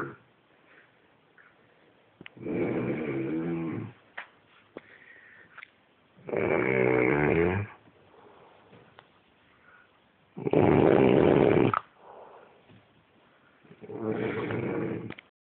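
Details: Loud, buzzy snores at about 15 breaths a minute from a sleeping pet in a quiet room; snoring.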